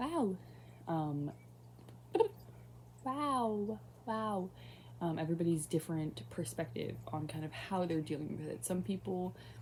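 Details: Woman with Tourette syndrome, mild facial and vocal tics; vocal tics including a recurring interjected "wow" mid-speech.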